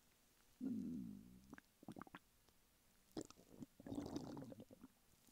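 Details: Adult male lying flat on his bed while hungry: low gurgling groans and squelching bursts, one long rumble then clusters of short gurgles, hunger borborygmi.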